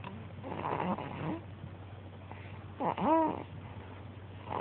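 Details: Infant snoring: soft, noisy snuffling breaths with a brief squeaky snort over steady room hum; light snoring.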